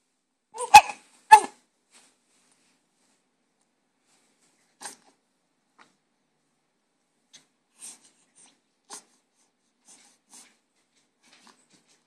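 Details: Two quick, sharp nasal sneezes from a small animal in the morning, then faint snuffling sounds in a quiet room; sneezing.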